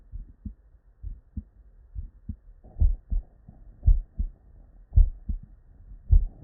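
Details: Real, unedited bedside human auscultation recording from patients with normal cardiac physiology: normal heart sounds, S1 and S2.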